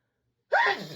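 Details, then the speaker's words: Repeated sneezing fit: a single sudden, voiced sneeze burst after silence, fading quickly, amid apologies for having to sneeze again and being unable to stop; an ordinary sneeze. "I have to sneeze again. You. Uh, uh, you. Sorry, I have to sneeze again."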